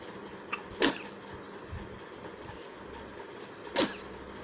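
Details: Young girl sneezing: two sharp, explosive bursts of air a few seconds apart, each with a soft lead-in, over faint room noise. Child sneezes.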